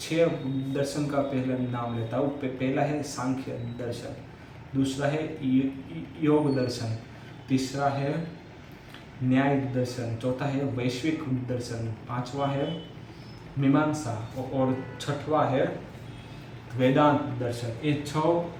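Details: Adult man's own Hindi speech during story/lecture practice, part of day 1 of his daily stammering practice routine (tongue and lip exercises, breathing control); stuttering (stammering).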